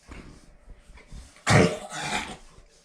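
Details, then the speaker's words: Large dog the owner suspects has kennel cough gives a loud, harsh, honking cough burst then a second retching hack; kennel cough. "did you pick up kennel cough you know what's gonna happen rocky's gonna get it who's talking about that at the dog park too that's kennel cough"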